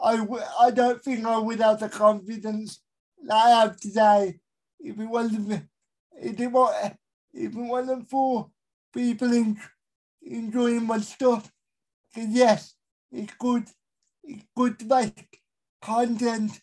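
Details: Dysarthria in an adult male with a severe type of cerebral palsy, real.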